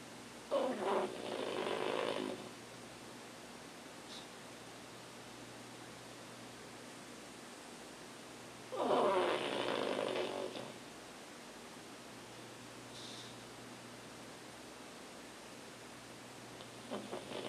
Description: Our pug Todd snoring like always